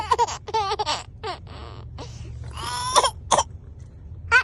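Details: A mother gives a few short, dry adult coughs while her baby girl laughs hysterically in high, giggling bursts.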